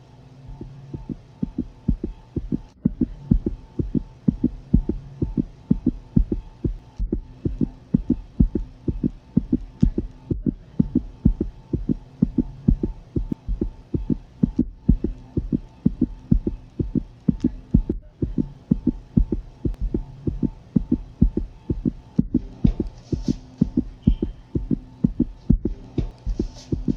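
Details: Ultrasound of a pregnant dog: rapid, regular pulsing whooshes over a steady hum, a puppy's fetal heartbeat.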